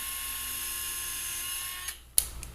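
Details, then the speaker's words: Steady high-pitched motor whine that stops, then a sharp click, as a surgical drill passes through the syndesmotic hole of a lateral fibula plate, aimed 30° across all four cortices, in an ankle fracture fixation demonstration. "you would go through the syndesmotic hole aim 30° and drill across going through all four"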